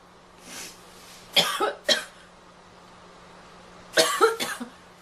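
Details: Girl coughing: two short clusters of harsh coughs, about five in all, in a quiet room; she has a runny nose and finds it brutal.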